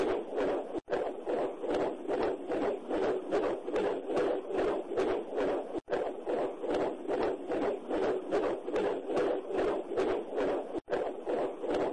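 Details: Fetal heartbeat: rapid, regular whooshing, galloping beats at about 150 per minute.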